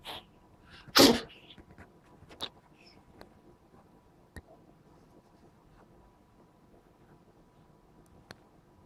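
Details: Cat tired out after sneezing many times in a row: one sharp, forceful sneeze, then a few faint sniffs and small snorts in a quiet room.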